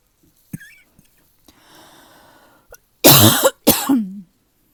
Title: #15 - the weather change has given me a bit of a cough